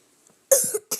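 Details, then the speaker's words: Young vlogger with a persistent cough since waking that he cannot stop: two harsh, explosive coughs in quick succession. "Oh my god, I cannot get rid of that cough. I woke up this morning and I could not stop coughing. I still can't."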